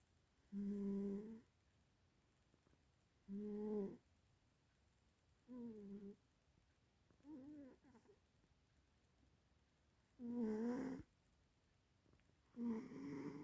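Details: Cat snoring: soft, humming snores, about six in a row with quiet pauses between; ordinary sleep snoring.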